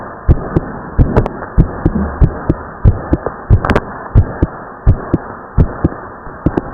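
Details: Teenage boy's fast, strong heartbeat of about 90 a minute after overexerting himself with exercise, the second heart sound at times heard as two close clicks: split S2.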